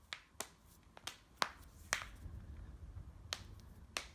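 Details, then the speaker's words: Wrist joint cracking (crepitus) in a long-time weightlifter with joint pain: sharp clicks and pops from repeated wrist movement. "call me mr. rice krispy because every part of shredded snap crackles and pops"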